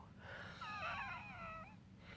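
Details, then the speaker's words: Wheezing at 3 a.m. that keeps the person from sleeping despite having taken all their inhalers: a long, whistling, musical breath with several shifting tones from narrowed airways. "to sleep if you're wheezing it's so stupid I've taken all my inhalers I'm still wheezing"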